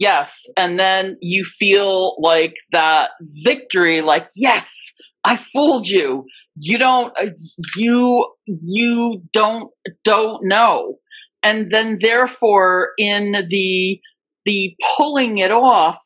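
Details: Adult woman with stuttering, a covert stutterer for more than 30-35 years; speech shows repetitions of words and parts of words; stuttering.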